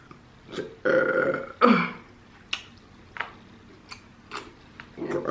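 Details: An adult burping while eating on camera (mukbang): two loud, voiced, throaty burps in quick succession, then soft clicks and eating sounds in a small room.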